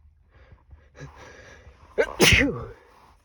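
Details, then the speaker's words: Induced sneeze after heavy pet-shop bedding dust exposure: a quick indrawn breath, then one loud, harsh, voiced sneeze in a quiet room. The sneezes were rough enough to make the throat sore; irritant-triggered sneezing. "God, these are just tearing through me."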